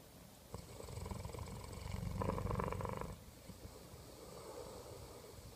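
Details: An English Mastiff dog snoring in sleep: soft, low rumbling breath sounds with a fluttering quality against faint room noise.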